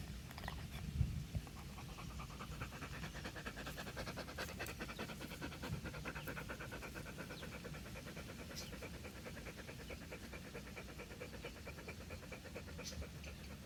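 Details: Rapid, steady, loud panting from a male dog outdoors under a tree in very hot weather, with outdoor background noise; heat panting.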